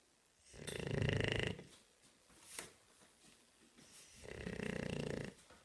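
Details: Two long, loud, rattling inspiratory snores with a quieter breath between: a sleeping bulldog snoring.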